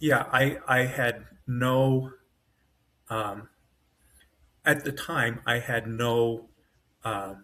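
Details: Adult man with self-rated mild to moderate aphasia (severe on waking) after an AVM brain hemorrhage, surgery and a 10-day medically induced coma, with right-side paralysis and foot drop; brain faster than mouth; aphasia (word-finding difficulty).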